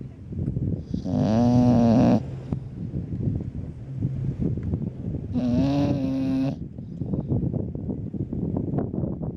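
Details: Sleeping bulldog snoring at the beach: two loud, buzzing, honking snores about four seconds apart, with steady wind and surf noise behind.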